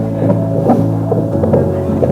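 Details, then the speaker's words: Rhythmic pulsing throbs over a steady electronic hum: a student's normal heartbeat picked up by a Doppler probe placed on the chest. "자 이 소리 들려요이 소리는 심장이 뛰는"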